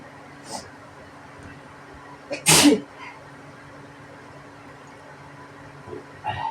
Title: Just sneezing #sneeze #allergy